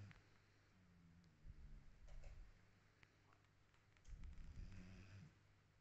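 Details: Dog sleeping on the sofa, snoring and sometimes dreaming: two low, rumbling snores about a second each, with quiet breathing between them.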